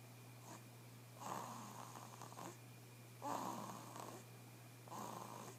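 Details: Baby snoring in her sleep: soft, rhythmic rasping snores, about three in six seconds, over a steady background hum.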